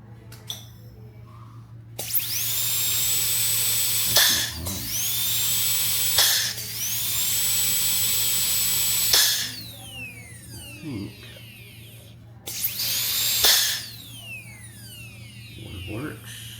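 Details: High-pitched whine of a dental drill handpiece on a quick coupler, spinning up and running in several bursts with quieter gaps, tested after repairs to a dental rheostat; ordinary handpiece operation.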